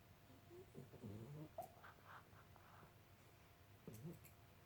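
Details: Soft, low, muffled grunts and small blubbering huffs from a dog while asleep, heard as sleep vocalizations.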